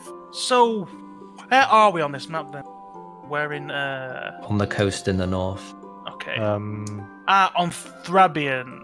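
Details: Adult man with a natural stutter that usually eases after about half an hour of speaking, heard during tabletop roleplaying; stuttering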